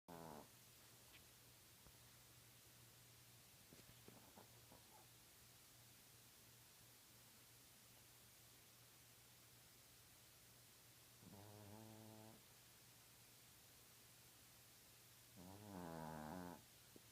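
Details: Sleeping Chihuahua snoring: a few soft, tonal nasal snores separated by long quiet stretches against steady room hum.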